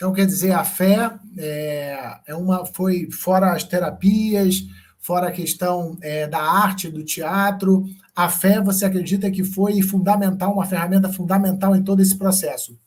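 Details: Adult speaker in conversation; ordinary speech.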